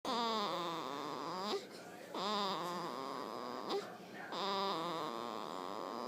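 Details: 4-day-old newborn crying: repeated wailing bouts, each about one and a half seconds, separated by short catch breaths; an ordinary newborn cry.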